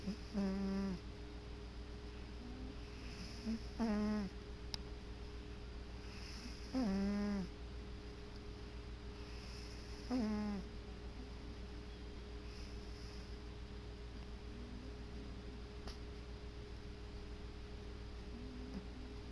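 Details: Male cat sleeping on his chair: soft, regular snoring breaths, about 18 a minute, over steady room hum.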